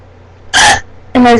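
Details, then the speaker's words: Painful hiccups the person says hurt at one spot, present about half an hour before recording: two abrupt voiced 'hic' catches about half a second apart from sudden throat closing. "These are rendering hiccups. They're actually hurt like right here."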